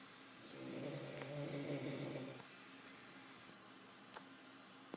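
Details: One fluttering snore on inspiration, then quiet breathing with faint room noise, from a person sleeping in bed.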